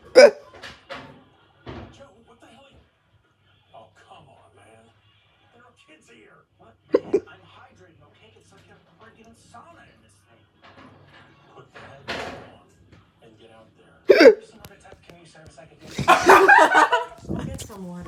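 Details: Persistent hiccups that won't go away, described as weird-sounding: sharp, sudden voiced hiccup bursts recurring irregularly amid quiet room sound, with talking toward the end.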